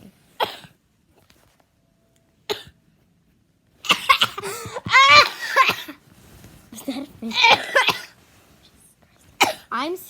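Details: Friend with a horrible cough in a hotel room: a few sharp cough bursts in a quiet room, then a child's voice and more throaty coughing; harsh cough.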